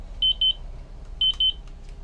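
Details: Two pairs of short high-pitched electronic beeps from a Zoll cardiac monitor/defibrillator completing its start-of-shift test charge and shock at 30 joules.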